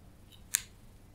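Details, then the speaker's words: Left knee, bearing weight, clicks when straightened from deep flexion (about 70 degrees) while rising from a full squat with feet together: a single faint, sharp, painless-sounding click, a problem ongoing for a couple of months. "as you will see in this video the my left knee clicks when it is flexed and comes out of flexion so when I straighten my knee from a certain point"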